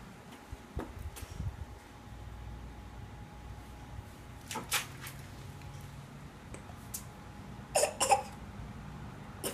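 Brief sharp bursts of breath in a quiet room, the loudest a double burst near the end, fitting a sneeze.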